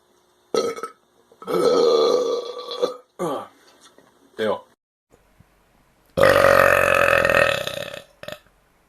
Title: Twitter Burp Compilation